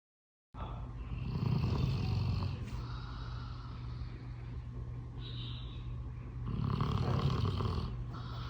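Loud, low rattling snores with a steady droning hum throughout and a softer snorting exhale between; heavy dog snoring.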